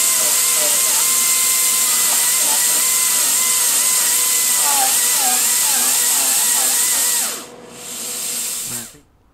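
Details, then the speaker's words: Steady whirring drill whose pitch dips repeatedly under load, then winds down: slow-speed round burr removing undermined enamel and caries on extracted tooth #4 in a typodont, during MOD direct composite onlay preparation. "so at this point rather than removing the cusps let's take a look at how undermined it really is and we're going to use a slow speed round bird"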